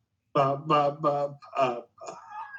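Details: Cerebellar ataxic dysarthria.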